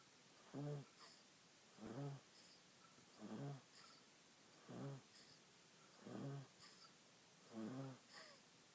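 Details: Little monkey snoring while napping on owner, eyes moving under eyelids as she dreams: soft, regular voiced low buzzing snores about ten a minute.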